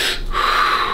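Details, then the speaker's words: Child with four days of frequent cough attacks severe enough to cause vomiting, clinically classic RSV; stethoscope lung exam shows good air movement, no crackles, only slight transmitted popping; normal breath sounds. "right so you hear that the air movement is fine so we're not in any kind of crisis as far as at the lung level"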